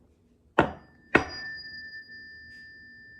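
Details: Tuning fork hearing test (Weber), normal.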